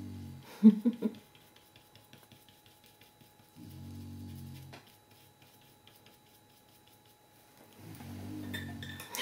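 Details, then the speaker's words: Female beagle asleep in a quiet room snoring in low, rumbling breaths spaced a few seconds apart. "Bailey is snoring Buster my other beagle that passed away last year almost a year ago used to snore in here all the time with me so now she's taking over"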